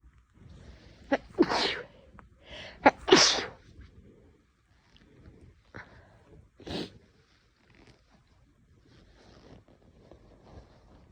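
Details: A person with an itchy nose bothering them for several days records a run of about five sharp, hissing sneezes in quick succession with quiet breathing between; a prolonged sneezing fit.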